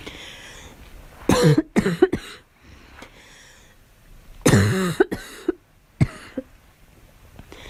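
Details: Girl performing voluntary coughs: two short bouts of several dry coughs each, then a single cough, with quiet room noise between.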